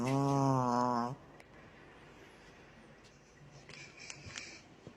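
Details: Dog snoring: one loud, buzzing snore lasting about a second, then quiet room noise with faint clicks.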